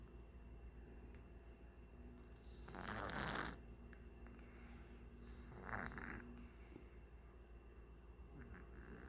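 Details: Sleeping mother cat: two soft, short, buzzy snores about three seconds apart against a quiet background hiss; snoring.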